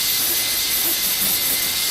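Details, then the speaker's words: Steady high-pitched hiss and whine from a high-speed dental handpiece cutting a model mandibular molar; it joins 1 mm occlusal depth holes and extends the cut into the marginal ridges during a full cast gold crown preparation. "Once placed, these depth holes, after their depth of approximately 1 millimeter has been verified, can be connected by making a horizontal cut following the normal anatomy of the occlusal surface. This cut can then be extended into the marginal ridge areas,"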